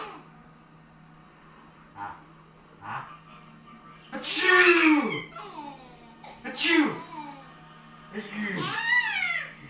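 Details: Two sharp, explosive sneeze-like bursts between softer vocal sounds, with a young child's voice nearby in a quiet room; sneezing.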